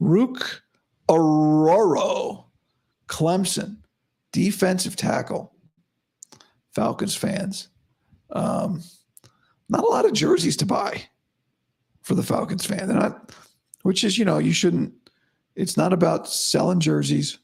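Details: Adult man about five to five and a half weeks after vocal cord surgery, improving daily but probably about the same today after heavy voice use and no sleep: dysphonia after vocal cord surgery.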